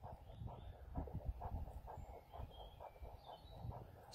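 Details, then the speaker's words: Faint, regular whooshing heartbeat pulses picked up by a CAT+ handheld Doppler probe that still works after a machete cut during a stress test: Doppler heartbeat signal. "as you can hear by my heart rate i'm quite excited about this particular nine lives video"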